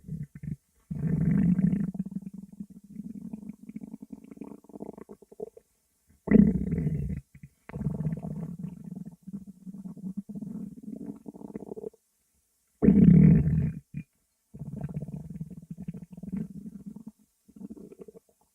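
Long, low gurgling rumbles in bursts with brief pauses: stomach growling, ordinary gut sounds.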